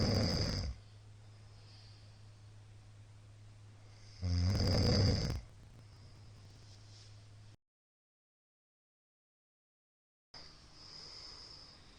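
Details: Middle-aged man's loud everyday snoring recorded on 2022-04-17: loud, rough snores about four seconds apart over a steady low hum during sleep. Snoring.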